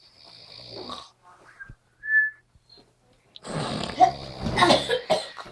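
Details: An old man gives a soft hissing breath and a brief nasal whistle, then a loud, rattling, vibrating snore on the next breath; snoring.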